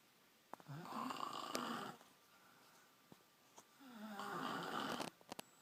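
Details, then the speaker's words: An adult woman asleep makes two loud, buzzing, rattly snores on in-breaths with quiet pauses and faint room clicks; she is then woken and denies snoring. Snoring. "Stop snoring. Stop snoring. Yeah. I'm not snoring."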